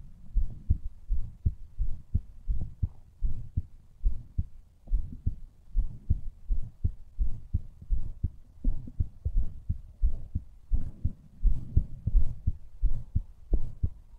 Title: MY HEARTBEAT